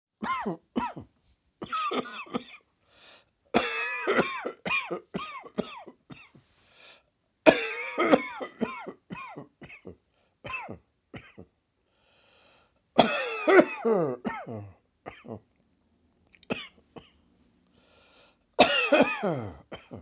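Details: Sudden coughing fit triggered by a throat tickle: repeated clusters of sharp, partly voiced coughs with brief pauses between bouts.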